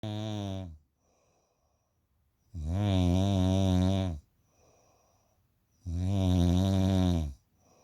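Loud, deep, rumbling snores on each breath in, roughly 18 breaths a minute, with quiet pauses between them.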